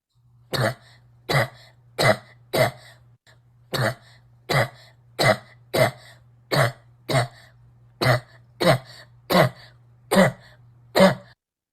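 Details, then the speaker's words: Habit cough (chronic idiopathic cough), example from a 10-year-old boy coughing daily for almost a month during most waking hours; cough persisting months to years, often initiated by a common cold. "I'm talking about a specific type of chronic off and I'm going to show you some examples"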